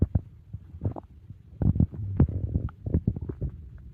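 Loud low rumbling gurgles and squelches from the stomach after a large meal. Ordinary digestive growling.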